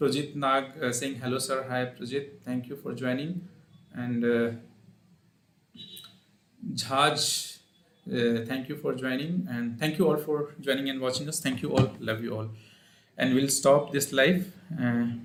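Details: Adult man speaking; normal voice.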